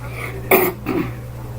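A single sharp cough followed by a softer throat clear from an adult, with steady low room hum behind.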